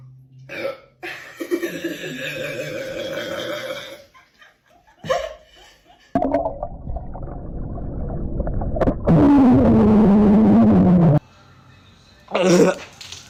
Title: best Sprite burpings of all time #ranking #memes #funny #stitch #burping #comedy #sprite